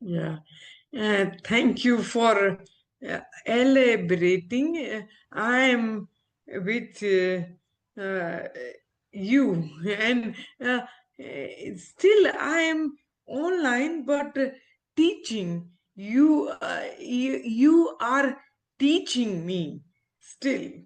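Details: Aphasia after stroke in an adult woman, an ophthalmologist, who had the stroke after delivering twins seven years ago; recovering speech with speech-language pathologists, communication still hinders her.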